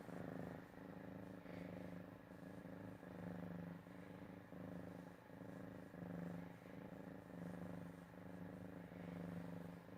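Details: Low, steady droning rasp that swells and fades in a regular rhythm with each breath: a cat snoring.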